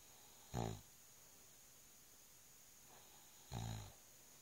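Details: Husband snoring: two low, rattling snores about three seconds apart, each on a breath in, against quiet room hiss.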